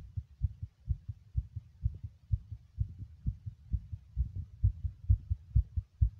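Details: Heartbeat of a male while smoking: rapid regular low heart thumps in pairs, about 65 to 70 beats a minute; a clear heartbeat.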